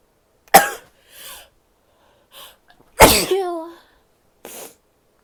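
Two sharp, forceful sneezes, the second ending in a voiced cry, with short breaths and sniffs between them.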